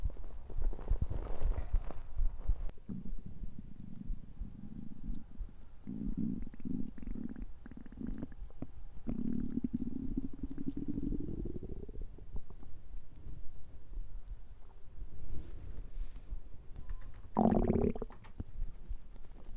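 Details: Low, drawn-out gurgling growls from a hungry person's belly, rising in pitch toward the end, with room noise; hunger-related stomach growling (borborygmi).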